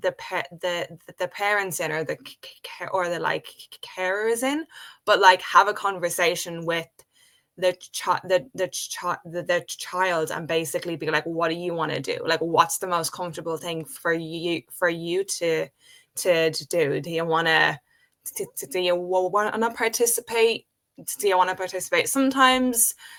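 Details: Adult woman who has stuttered since age five, speaking in a real conversation; stuttering.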